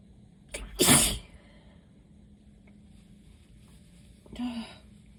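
A sharp inhaled catch and a loud sneeze, then a softer second sneeze-like burst; allergic sneezing.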